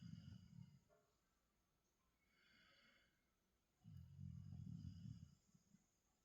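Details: A Goldendoodle dog snoring rhythmically in sleep: low, rough, fluttering snores in two breaths, quiet in between, over faint room noise.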